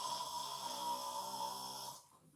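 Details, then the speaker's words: Imitated snoring by an adult: a deliberate two-second buzzing, fluttering snore demonstrating vibration of the uvula and soft palate, sound exiting through the nose with mouth closed. "진동이 다다다다다다 오거든요. 아, 어디가 떨릴까요? 저 안에 목젖이랑 저기가 떨리는데요? 목젖 연구기가 다다다다다 떨리면서 이 진동이 쫙 오죠."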